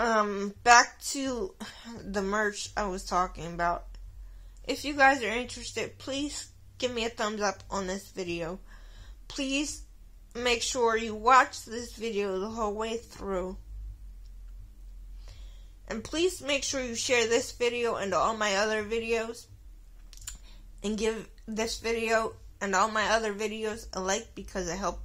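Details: Adult woman with cerebral palsy, which she says is why she sounds the way she does; mild dysarthria in cerebral palsy.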